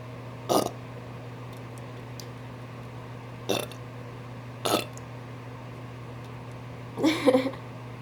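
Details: Woman burping on request: four short throaty belches over eight seconds against steady room hum, the last one longer and drawn out.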